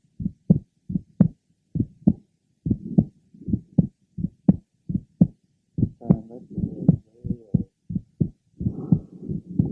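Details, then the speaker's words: Crisp early systolic aortic ejection sound that does not change with respiration, plus a soft blowing grade 3 diastolic murmur. From an asymptomatic patient with a bicuspid aortic valve and mild to moderate aortic regurgitation, heard at the third left sternal border. "he has a mild to moderate degree of regurgitation of the aortic valve note the aortic ejection sound which does not change with respiration and his grade three aoic diastolic merma"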